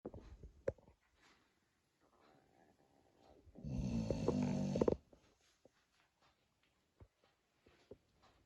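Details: Sleeping spaniel dog snoring: a single rough, rattling snore on a breath in, between quiet breaths in a small room.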